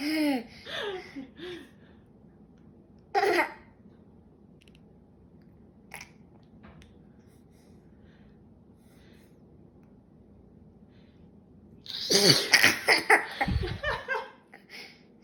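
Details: Young child giggles and babbles, then his mother gives a sudden loud sneeze, followed by more delighted laughter from the child; a single ordinary sneeze.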